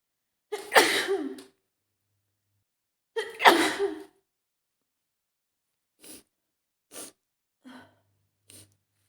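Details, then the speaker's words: Young woman in a calm restaurant, pink sniffly nose after being out in rain yesterday, throat starting to hurt, thinks she is coming down with a cold: two loud explosive sneezes, each after a sharp inward breath, then soft sniffs; sneezing. "I think I'm going to have a cold yeah I'm sorry I hope you're not going to catch it"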